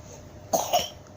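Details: Small child laughing until coughing: two quick, light coughs after laughter.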